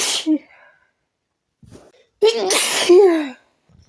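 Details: Sneezing fit while trying to relax: a short sharp sneeze, then a second louder voiced sneeze after a brief pause; repeated sneezing.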